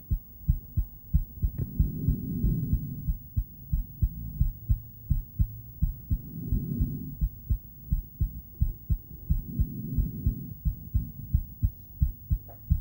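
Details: Female heartbeat picked up by an ultrasonic Doppler device: steady thumps at about 87 a minute with periodic whooshing swells.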